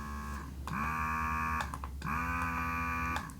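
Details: Pumpables Genie Advanced portable electric breast pump running during a recorded session: a steady motor hum in repeating suction cycles, each with a rising whine.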